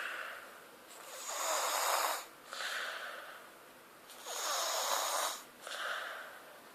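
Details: Noisy, rasping sleep breaths at about 18–19 a minute, each inhale and exhale carrying a snoring flutter; snoring.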